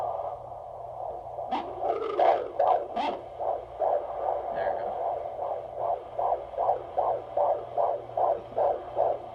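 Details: Fetal heartbeat heard on Doppler at a prenatal doctor's appointment in a pregnancy due February 2019: after a few seconds of probe noise, rapid, regular whooshing pulses at about 150 a minute; baby's heartbeat reported good.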